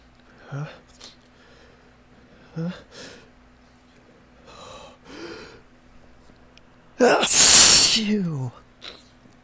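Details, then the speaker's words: Several sharp hitching intakes of breath, then a loud, wet, explosive sneeze with a voiced trailing sound; one of a series of allergic sneezes on a morning of ragweed pollen and high winds, with a ticklish nose; sneezing. "Oh my goodness, it just takes over so completely. My nose just takes over. I just can't stop."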